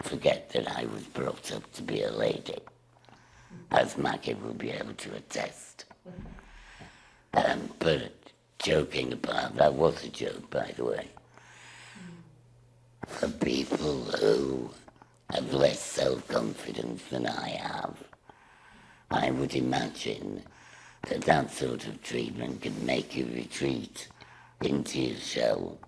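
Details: Woman with laryngectomy speaking through a voice valve device. Finding: tracheoesophageal (alaryngeal) speech after laryngectomy.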